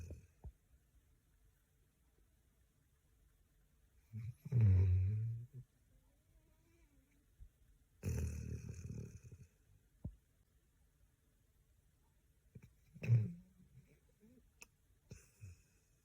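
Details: Golden Retriever, exhausted after a busy week, asleep on a couch and snoring: three low, rattling snores a few seconds apart in a quiet room.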